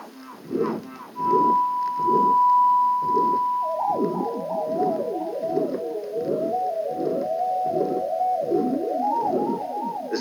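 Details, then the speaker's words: Apex recording in a 17-year-old girl with mitral incompetence (regurgitation): regular heartbeat about 81/min with a virtually inaudible first heart sound and a loud systolic murmur, under electronic music. "The next recording taken at the apex in a 17-year-old girl with mital incompetence, shows a virtually inaudible first heart sound. Concentrate on the period immediately preceding the onset of the loud systolic mammal."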